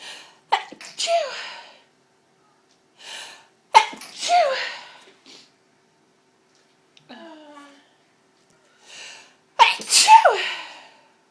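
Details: Three forceful sneezes in a row, each with a sharp intake and loud burst, triggered by inhaled pepper while cleaning up a smashed pepper pot.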